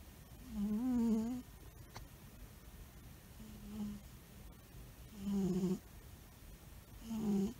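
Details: A sleeping albino cat snores loudly in a quiet room, with tonal, vibrating snores on each breath.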